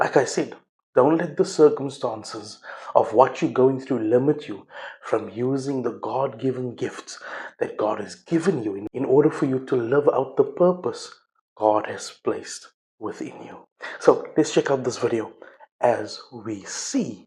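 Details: Adult male speaker; ordinary fluent speech.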